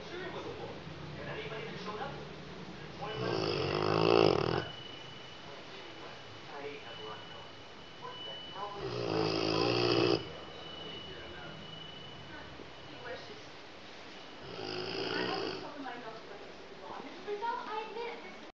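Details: Rottweiler snoring loudly: rattling snores on each inhalation about every six seconds, roughly ten breaths a minute, quiet breathing between, likened to an elderly man's snoring.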